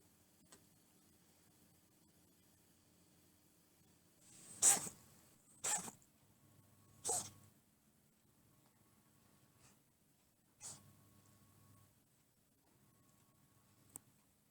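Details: One of three household cats (males aged 3 years 5 months and 8 months, female about 1 year 9 months): several short, sharp, snorting bursts in an irregular series; owner is unsure whether it is coughing or reverse sneezing.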